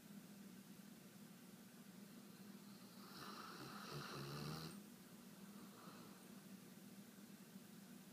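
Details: A single soft, low, rumbling snore over a steady background hum while asleep and dreaming; light snoring.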